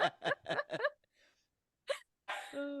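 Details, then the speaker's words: Person's small, high-pitched sneeze, described as their usual sneeze: a string of quick, high, squeaky bursts like tiny yips. "sorry that's my sneeze that's just how what it sounds like when I sneeze a little bit"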